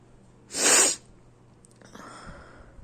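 A single sharp, hissing sneeze burst followed by quiet breathing: a typical sneeze.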